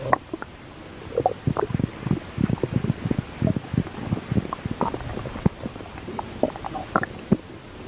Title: Stomach growl.